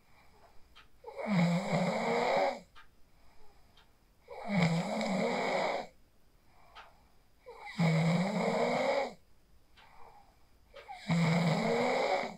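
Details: Real sleep snoring recorded on a phone after practicing the 4-7-8 breathing technique: four long, rough, rattling inspiratory snores, about 18 a minute, quiet breaths between; steady snoring.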